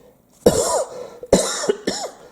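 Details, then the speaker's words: Adult just after a saline nasal sinus rinse with an irritated throat: three short, sharp dry coughs with no rattle or mucus, followed by sniffing. "so you hear the dry cough now then you can hear me from sniffing oh boy"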